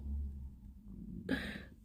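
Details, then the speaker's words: A low, soft stomach rumble from an adult who woke up with a rumbling tummy and feels constantly hungry; a normal hunger gurgle, ending with a brief clatter. "oh my gosh did you hear that tummy Rumble I could feel that I woke up with my tummy rumbling and I don't know why"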